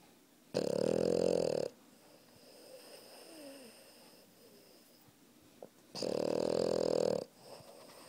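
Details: Puppy asleep lying on its owner, snoring: two loud, long buzzing snores about five seconds apart with quiet breathing between.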